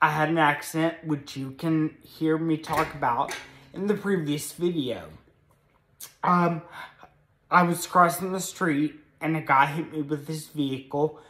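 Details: Adult man with moderate Friedreich's ataxia, a progressive spinocerebellar degeneration diagnosed at age 16, with speech affected and varying between good and bad days; also has a brain injury from being hit by a vehicle; ataxic dysarthria.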